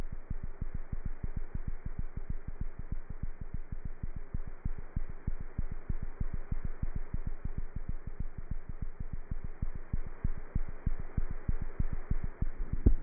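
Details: Rapid, steady cat heartbeat heard through a stethoscope, roughly 190 beats a minute: cat heart sounds.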